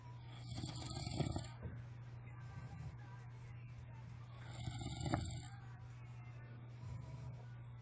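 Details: Sleeping friend snoring: two rough, rattling snores on the in-breath, about 16 a minute, over a steady low room hum.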